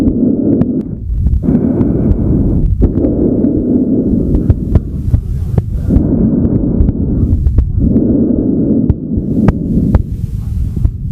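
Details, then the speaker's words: Loud, hollow bronchial (tubular) breath sounds, with inspiration and expiration of similar loudness and length and a clear gap between; abnormal over lung, as in pneumonia consolidation, atelectasis or pulmonary mass. "branchial also known as tubular breath sounds should not be heard over normal lung parenchyma however bronchial breath sounds may replace the normal vesicular breath sounds in certain pathological findings which include the consolidated lung of pneumonia atelectasis and with a pulmonary mass"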